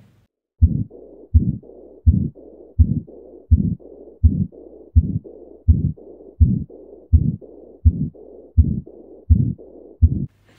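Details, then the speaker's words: Continuous machinery murmur of patent ductus arteriosus, aorta-to-pulmonary flow throughout the cardiac cycle, accentuated in systole; regular heartbeats near 83 a minute with rushing murmur filling the gaps between beats. "And throughout the cardiac cycle, there is flow of blood from the aorta to the pulmonary artery. And hence, it is continuous murmur or what we call it as machinery murmur."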